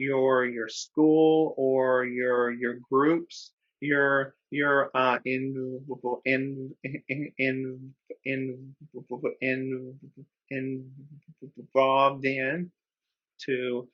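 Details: Adult man who describes himself as a person who stutters, speaking with repetitions and filler interjections while co-hosting a webinar: stuttering.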